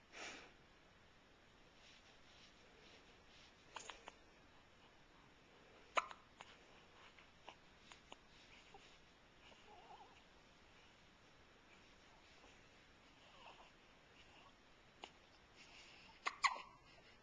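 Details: Faint, brief clicking hiccups at irregular intervals over a quiet, hissy background.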